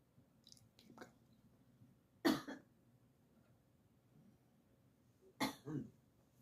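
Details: Adult woman gives two short coughing bursts, the second a quick double cough, while her pet chatters softly in response in a quiet room.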